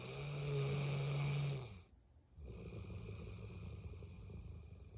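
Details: 8-year-old Bullmastiff snoring while asleep: a low, rumbling sleep sound, fading briefly before soft noisy breathing resumes; snores all day, every day.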